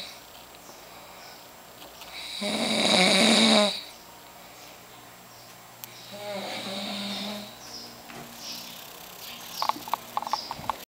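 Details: Cousin sleeping, snoring: two loud rasping snore sounds, one on breathing in and a softer one on breathing out, in a quiet room.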